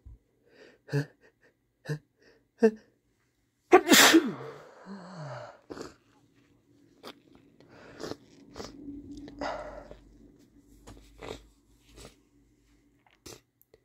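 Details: Male having a good sneeze: several quick sniffs and catching breaths build to one loud explosive sneeze, followed by sniffing.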